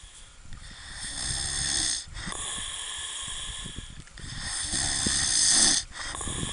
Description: Man and dog sleeping on the beach and snors terribly.